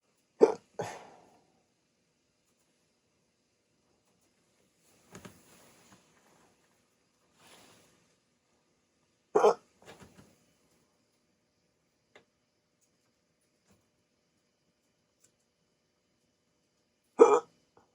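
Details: Hiccups in a person with sleep apnea, just after waking from sleep with a CPAP mask, during a 16-minute bout: sharp, brief gulping hiccups, about five in eighteen seconds, with faint breaths between.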